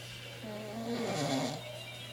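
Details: An adult father snores in the background: a single rough, buzzing snore of about a second rises and fades over a steady low hum.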